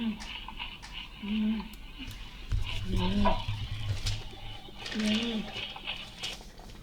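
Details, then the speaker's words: Lecture example of stridor: a harsh, high-pitched, musical crowing noise on three breaths in a row. This is a mainly inspiratory sound from a narrowed or partly obstructed upper airway. "strider is a high pitched predominantly inspiratory sound is the most commonly associated with acute disorders such as foreign body aspiration"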